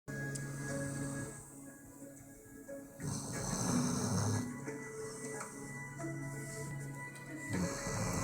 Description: My dog snores loud. I shot this video after he fell asleep on my lap.